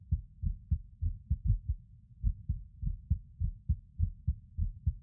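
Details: Male lying on his bed recording his own skipping heartbeat: low thumps about 100 a minute, unevenly spaced with occasional longer gaps, fitting skipped beats.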